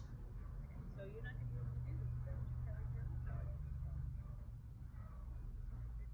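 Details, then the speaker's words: Simulated moderate hearing loss, right and left ears similar: average-volume speech heard without hearing aids sounds faint and muffled, words unclear, under loud low background hum. "And the right and the left ear are pretty close here. So let's listen to what it might sound like for him to listen to average volume speech without his hearing aids."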